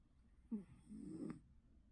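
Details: A sleeping cat gives a short snort followed by a soft, rattling snore on one breath; snoring.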